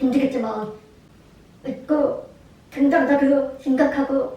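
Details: Deaf woman speaking aloud while signing at the same time, which she notes causes some errors; deaf speech.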